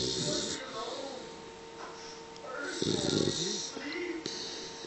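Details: 3-month-old male Pitbull puppy sleeping next to owner: rough, fluttering snore sounds repeating with each breath; ordinary snoring.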